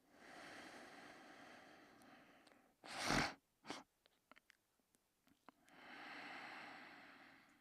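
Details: Sleeping dachshund: slow breathing with a loud snorting catch mid-breath, then quiet breathing again; snoring snort.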